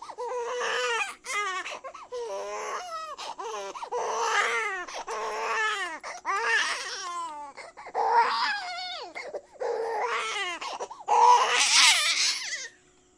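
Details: Sound-effect recording of an infant crying: repeated high-pitched crying bouts separated by brief gasping inhalations.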